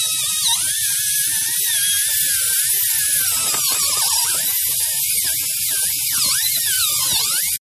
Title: How is the 1:2 air motor Dental Handpiece working